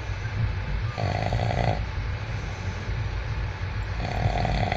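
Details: Person sleeping on a train, snoring: two low, buzzing snores over a loud, steady rumble of train noise.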